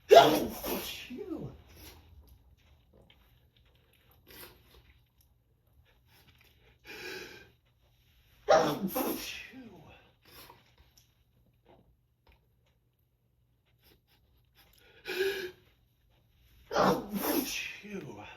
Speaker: These sneezes are just rocking my whole body. Wow, these are so powerful.